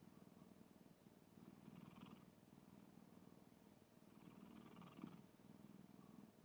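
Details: Sleeping black cat snoring: soft, steady rumbling, purr-like snore with gentle breath-timed swells; harmless sleep snoring.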